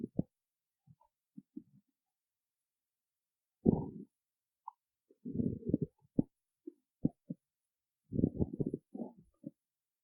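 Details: Hungry stomach after skipping a meal before a performance: intermittent low gurgling and bubbling bursts from the belly. Stomach growling (borborygmi), normal bowel sounds.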